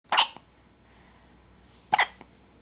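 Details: Hiccups: two sudden, sharp hiccup sounds about two seconds apart in a quiet room, each followed by a short catch.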